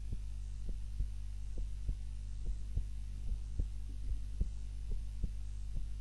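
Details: Own heart sounds recorded on a timer while napping, lying on the back (supine) rather than the usual face-down position: regular low thumps about 70 a minute over a steady low hum; normal heartbeat during sleep.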